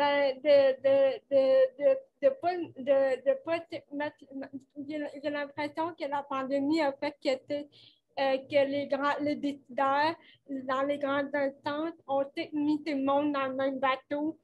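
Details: 29-year-old woman with cerebral palsy caused by lack of oxygen at birth, speaking French in an interview; she appears to mention speech difficulties; finding: dysarthria in cerebral palsy.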